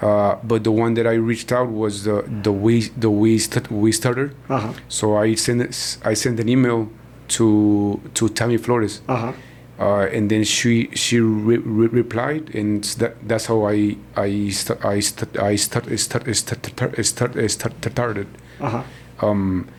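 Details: Stuttering in a man in his 40s, born in Mexico and living in Texas, first noticed around age five or six; his father also stutters and he believes it runs in the family.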